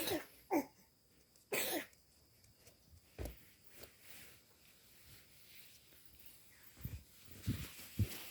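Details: Young child coughing in sleep and sleeping poorly: several short coughs, some in quick pairs, with restless breathing and small sounds between.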